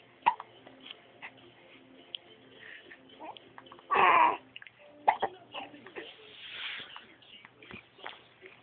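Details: Baby girl, apparently 10 weeks old, with a small rash on her chest, has hiccups: brief, sharp, jerky catches in the voice at irregular intervals among soft infant noises in a quiet room.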